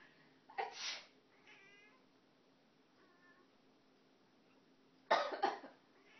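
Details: Person coughing while a cat on her cat tower meows in response: two short, harsh coughing bursts with soft cat meows between them.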